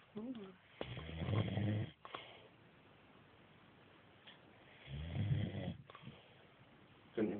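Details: Two long, low, rattling snores a few seconds apart, with quiet breathing between them: snoring.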